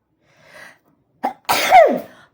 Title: Pepper sneezing Philippines.